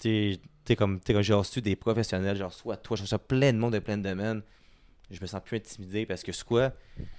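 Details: Male French speaker who has stuttered since birth, was taken to a doctor for it as a child, and reports being much better than before; stuttering.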